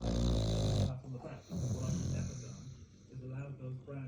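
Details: Snoring.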